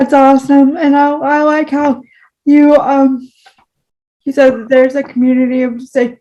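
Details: Speech disfluency with frequent word repetitions in a woman with cerebral palsy, speaking in a podcast conversation.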